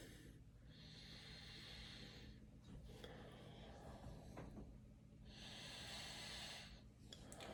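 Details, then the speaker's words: Stethoscope lung auscultation from apices, under axilla to lower lobes, both sides, patient taking deep breaths; normal vesicular breath sounds in the lung fields. "So I hear vesicular breath sounds in the lung fields, which is normal."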